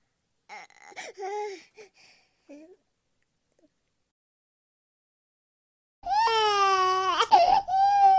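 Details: Sound-effect recording of an infant crying: brief whimpers and fussing, a pause, then a loud, sustained high-pitched wail.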